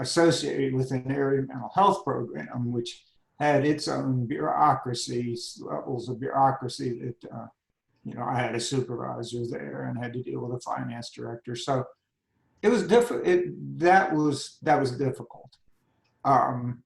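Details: Adult man with spasmodic dysphonia that began at age 51, managed without Botox; spasmodic dysphonia.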